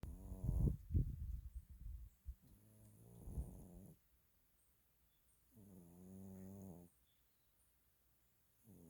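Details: Soft, low, buzzing snoring breaths with quiet gaps between them during a nap.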